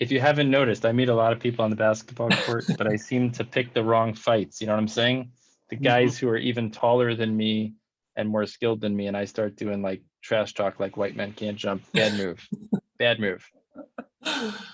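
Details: Adult man speaking; ordinary fluent speech.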